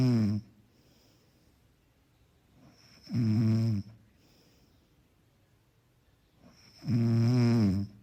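Low, rumbling snores with each breath in, about 16 a minute, separated by quiet breathing.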